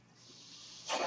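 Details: The speaker's own mechanical ventilator during a spoken podcast recording: a soft airy hiss builds steadily, then a louder rush of air at the end as a breath is delivered.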